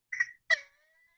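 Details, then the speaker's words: 21-month-old boy, cold-like onset worsening over four to five days, coughing with vomiting and unable to catch breath: two sharp cough bursts then a thin high-pitched drawn-in whoop typical of whooping cough (pertussis). "it was nothing I've ever heard before he was coughing and doing the whoop"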